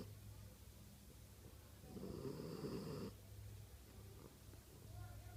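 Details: Female French Bulldog snoring in her sleep: quiet rumbling breaths with one louder rattling snore over a low room hum.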